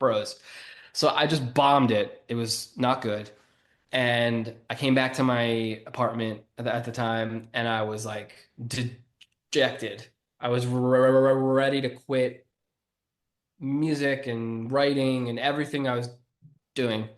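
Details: Stuttering in an adult man who has stuttered since childhood and was bullied for it while growing up.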